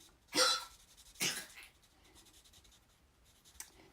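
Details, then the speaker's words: 15-year-old, 9-pound small dog with congestive heart failure, cough attributed to it: two short, dry, honking cough bursts in a quiet room. "She's got congestive heart failure. So that's what that coughing is."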